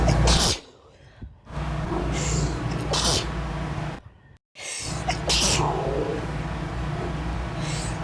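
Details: An adult gives several short, forceful sneeze bursts, stated to be real and self-recorded, over a steady low background hum: sneezing.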